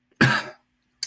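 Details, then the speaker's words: One harsh, forceful cough with a brief throat-clearing quality, then quiet; an incidental cough from a frog in the throat while speaking. "zero point sorry zero point sorry a little a little frog in my throat there that gives me 0.272727 so therefore this is the answer sorry about that cough there"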